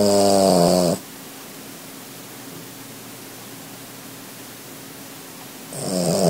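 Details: Small dog, Rupert, asleep, making a loud buzzing snore on each in-breath with long quiet pauses of several seconds between snores; snoring.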